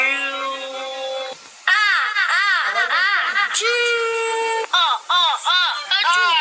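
High-pitched wavering crying and wailing in repeated bursts from a young child; an ordinary distressed cry.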